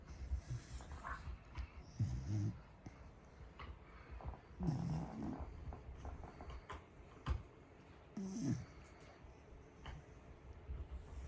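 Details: Sleeping Corgi dog with loud snores: low, rattling snore bursts about every three seconds, near 20 breaths a minute, over quiet room noise.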